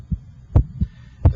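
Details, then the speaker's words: Normal first and second heart sounds heard with an electronic stethoscope over the apex (PMI) while the radial pulse is felt to time S1. "I'm just interested in listening to the first and second heart sounds"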